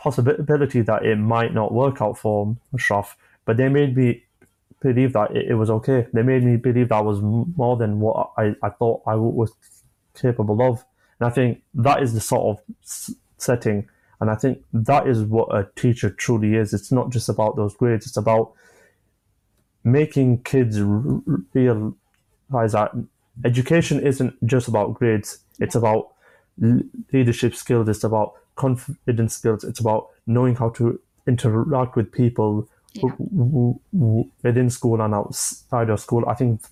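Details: 25-year-old man with a stammer since early childhood, onset after an asthma attack, describing blocks managed with breathing methods and pauses; stammering.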